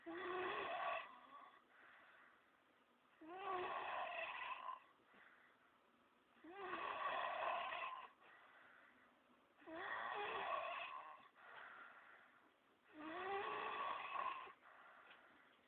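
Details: Loud, rhythmic snoring with a rough fluttering sound on each breath, about 18 breaths a minute.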